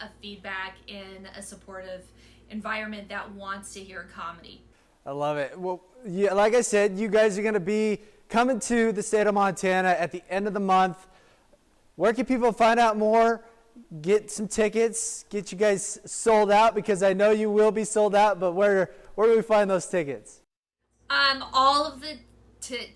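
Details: Adult speakers in a radio-style interview, more than one voice; ordinary conversational speech.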